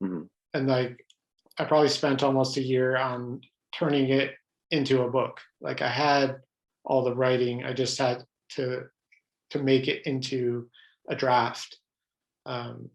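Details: Adult man who stutters, pattern mostly blocks; stuttering.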